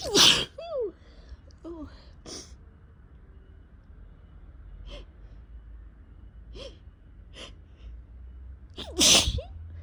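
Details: Spring sneezing in a person who suspects allergies and has also had a cough for two weeks: two loud, explosive sneezes with short gasps and faint sniffs between them, in a quiet room.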